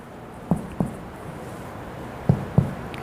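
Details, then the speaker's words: Normal abdominal percussion in a skills-lab physiological abdominal exam: four hollow, drum-like finger taps in two pairs with middle or index finger, starting near the midline across 13 points; all tympanic, like a drum being struck, indicating normal bowel gas distribution. "seharusnya di semua titik 13 titik tersebut yang sudah kita ketuk semuanya ee bunyinya adalah timpani jadi bunyinya seperti gendang yang di apa Sedang dipukul"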